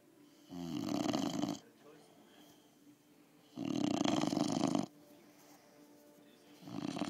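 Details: Snoring while lying on the recorder's chest: loud, harsh snores about a second long, roughly three in seven seconds, with quieter breathing between.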